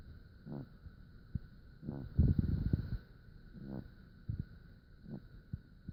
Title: She snore a little more